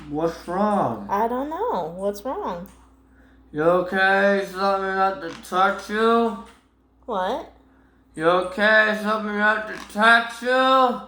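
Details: Boy with autism and Tourette syndrome, filmed by his mother, showing his most common vocal tics, which include repeated phrases; vocal tics (Tourette syndrome).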